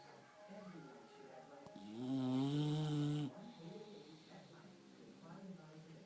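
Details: English Bulldog asleep, snoring loudly: one long, loud, buzzing snore with a clear pitch between quieter, wheezy breaths; dog snoring.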